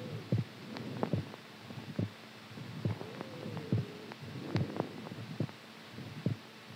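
Low, regular thumping at about 70 a minute, with a faint hum and a muffled tone underneath; a heartbeat.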